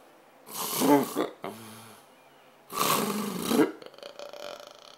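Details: Two very loud, harsh, rattling snores with a grunting catch between them; heavy, disruptive adult snoring that occurs every night.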